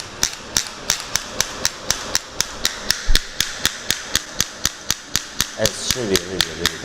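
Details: Radial shockwave handpiece with domed head firing at maximum pressure after frequency changed, on a device combining air compression and electromagnetism; sharp steady clacking pulses about three per second, brief talk near end.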